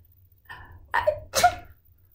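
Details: Two quick catching inhalations building up, then a single sharp explosive sneeze, demonstrating catching a sneeze for teaching children cough and sneeze hygiene.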